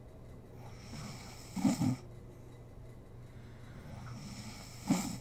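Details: Snoring from a sleeping mother: two soft rattling snores during sleep breathing, with quiet room noise between them.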